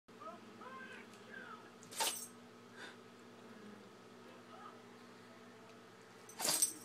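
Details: Mini chihuahua, filmed on an iPhone during a sneezing attack, gives a few sharp, explosive sneezes amid soft whimpering in a quiet room.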